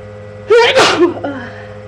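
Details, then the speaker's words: Person with allergies, sneezing all day, trying to hold sneezes back: single forceful sneeze with a voiced lead-in over steady room hum; allergic sneeze. "Oh gosh, I've been sneezing all day. I'm not gonna sneeze anymore."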